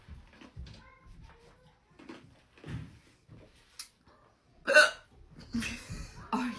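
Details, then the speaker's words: Hiccups after sipping cherry Coca-Cola Zero: a few sharp, abrupt hiccups amid quiet talk and laughter; ordinary hiccups. "It's very good. God, I hope I don't have the hiccups."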